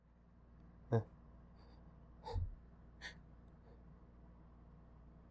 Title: Stronger sneezes than I meant